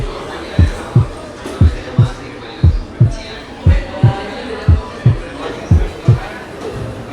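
Steady paired heart sounds at about 59 beats a minute. Over the second left intercostal space the second sound is single, louder and higher pitched than the first. This is a normal finding, with no splitting of the second sound.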